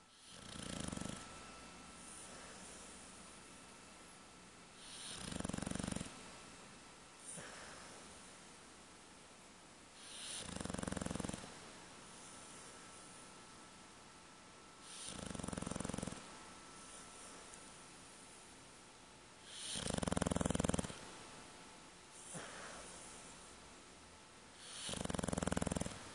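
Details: Sleeping dog snoring: loud, low rumbling breaths about every five seconds, roughly twelve a minute.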